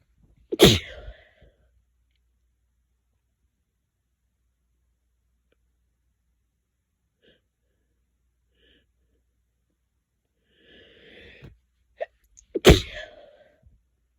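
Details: Two loud, explosive sneezes about twelve seconds apart, each preceded by a sharp inward breath; quiet room between them.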